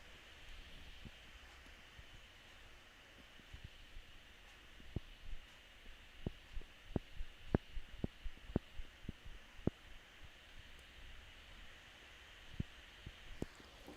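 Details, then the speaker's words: Jaw (temporomandibular joint) clicking: a series of sharp, irregular clicks over low room hum, from a person who clenches their teeth in their sleep and cannot keep a mouth guard in overnight. "you guys can hear my jaw clicking my jaw's almost i clench my teeth in my sleep and i've tried wearing a mouth guard but i just spit it out every single night"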